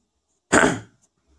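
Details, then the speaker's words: Single harsh throat-clearing burst, about a third of a second, from an adult man with a sore throat and lost voice: throat clearing. "Sesim gitti ya. Boğazım ağrıyor. Onun için sesim böyle."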